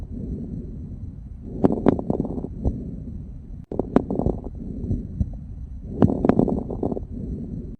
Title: Les Rales Crepitants